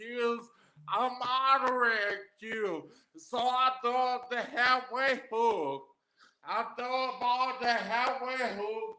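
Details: Adult man with aphasia after three strokes, the first about 13 years ago; aphasia.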